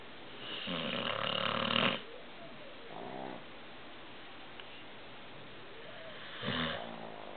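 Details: 10-month-old male American Bulldog asleep: rough, rattling snorts on breathing, one long and two shorter, with quiet gaps between; snoring.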